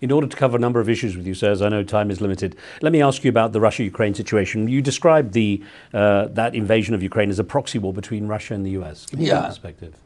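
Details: Adult male interviewer; normal speech.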